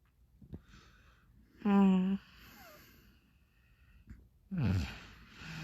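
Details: Two loud, buzzing snores about three seconds apart in a quiet room; snoring.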